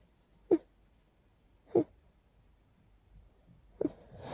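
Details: Three short, soft sneezes in quick succession in a quiet room after cleaning a long-neglected, very dusty area; dust-triggered sneezing.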